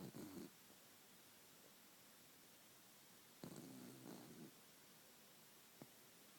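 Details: Sleeping dog, owner says he is usually louder: soft, low snuffling snores on two breaths with quiet breathing between and faint room noise; light snoring.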